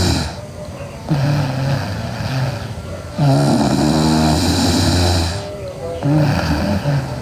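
Loud, rough, buzzing noises on breathing in during sleep, under steady background noise: heavy snoring.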